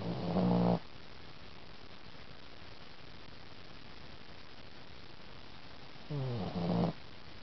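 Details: Sleeping cat recorded in the dark at night: two low, rumbling snores about six seconds apart with quiet room hiss between them: snoring.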